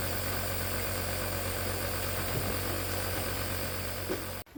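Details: Steady mechanical hum with low motor drone and hiss, continuous throughout, fitting a compressor nebulizer running during breathing treatment for monkeys with a respiratory virus.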